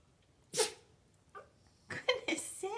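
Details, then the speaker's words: Several quick, sharp sneezes with short snorting bursts between from a Yorkshire terrier with allergies and itching; repeated sneezing. "i don't understand it that's crazy sneezing oh here it comes what's that sneezy oh i know i don't know why you're sneezing so much you got the allergies"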